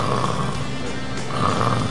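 A low, rough, rattling sound held steadily through the clip, an imitation of ordinary snoring, with faint background music.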